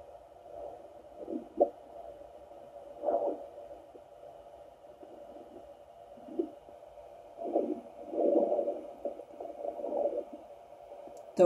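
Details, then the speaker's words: Irregular gurgles and rumbling swishes from a person's own bowels, picked up by a fetal Doppler held gently on the body an hour or two after eating; normal bowel sounds, easily mistaken for fetal heartbeat or movement. "are my bowels my bowels moving around because I did eat only an hour or two ago and just to let you guys know your bowels are never quiet"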